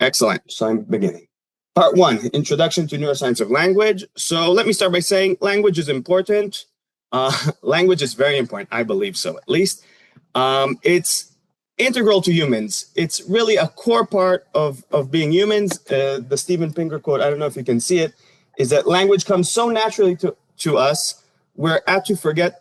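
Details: Adult lecturer; normal speech.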